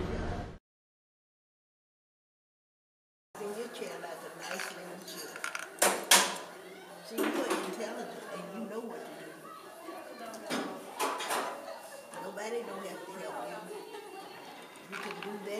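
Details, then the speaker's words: Woman with advanced dementia in a nursing home, being persuaded to sit up straight in her chair; irregular scraping and clicking teeth grinding under another woman's soothing talk. Bruxism. "here's an example of miss brantley persuading beck to sit up straight and the noise you'll hear is beck's teeth grinding"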